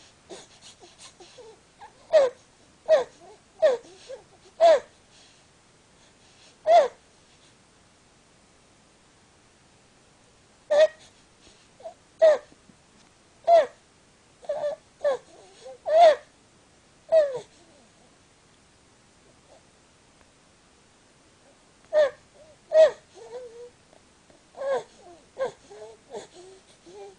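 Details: Infant boy with laryngomalacia, tracheomalacia and bronchomalacia (LTBM) making short, high, clustered "honking" noises, the typical stridor of a floppy airway.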